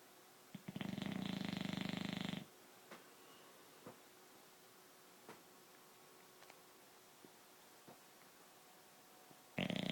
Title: Dog snoring